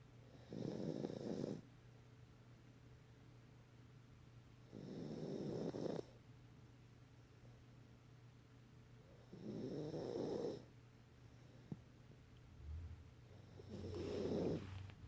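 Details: Dog snoring every time she sleeps: four rough, buzzing snores at a slow, steady pace, about 14 breaths a minute, over faint room hum.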